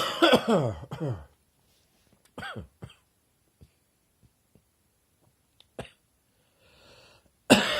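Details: An adult feeling chesty on waking, possibly from unseasonably cold weather, gives a deep, rattling, wet cough, then short throat clears and a final cough burst: a productive morning cough.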